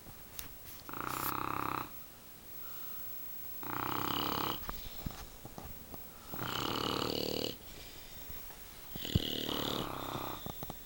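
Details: Snoring from two sleeping bulldogs and an adult man together: four loud, rough snores about every 2.8 seconds, roughly 21 a minute, with quiet breathing between, loud enough to drown out a TV.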